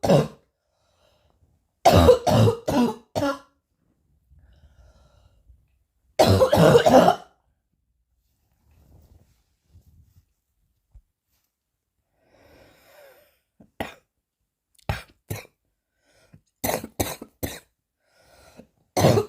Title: coughing hard